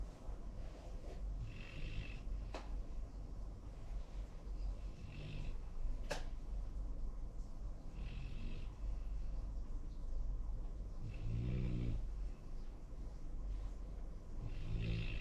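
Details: Sleeping Labrador–golden retriever mix dog snoring: low rumbling snores repeating every few seconds over a steady background hum.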